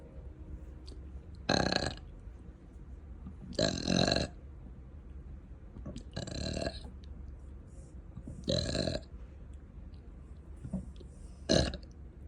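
Five loud, drawn-out belches come about every two to three seconds in a quiet room; repeated burping.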